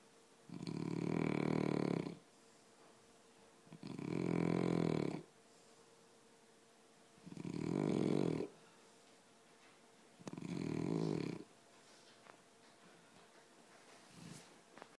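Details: Four loud, rumbling, vibrating snores, each about a second or longer, roughly 16 breaths a minute with quiet gaps between, from two people snoring.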